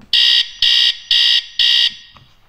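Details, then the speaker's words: Four loud, shrill electronic beeps in a steady on-off pattern as a child's bedwetting alarm with moisture-sensing underwear is tested by pressing the plus button just before sleep. "just before your child goes to sleep trigger the alarm by pressing the plus button"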